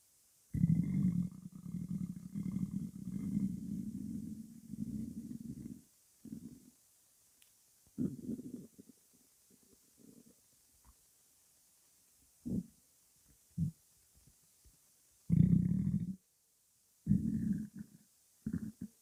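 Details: Woman with white hair, hungry before breakfast: long low rumbling growl, then shorter gurgles and grumbles with pauses, normal hunger stomach growling (borborygmi).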